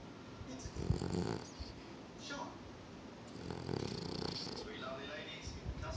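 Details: Bichon dog asleep: low rumbling, fluttery snores with soft background noise: snoring.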